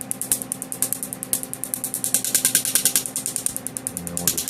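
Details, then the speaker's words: Laser tattoo removal on a patient's full left-arm sleeve, laser firing at 10 pulses per second with overlapping spots and no numbing anesthetic: rapid, steady snapping clicks as tattoo ink absorbs the laser energy. "10 pulses per second there we go so you see how quickly he goes ten ulcers per second it's a very efficient process"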